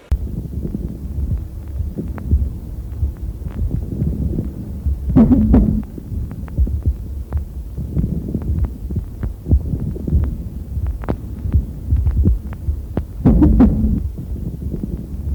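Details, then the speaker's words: Pleural friction rub, teaching auscultation recording: rough, grating rubbing sounds over the chest in both inspiration and expiration, unchanged by coughing, unlike fine bubbling moist crackles. "шум трения в отличие от мелька пузырчатой влажных Липов не меняется при покашливании пожалуйста прослушаем шум трения плюры"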